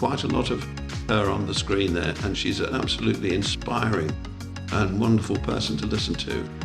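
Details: Adult speaker; Normal speech.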